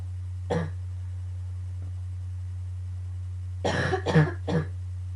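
One cough, a pause, then a run of three harsh coughs over a steady low hum: a short coughing fit.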